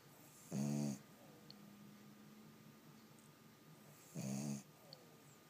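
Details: Boston terrier snoring while sleeping: two short buzzing snores about four seconds apart in a quiet room, roughly fifteen breaths a minute.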